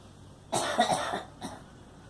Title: Girl coughing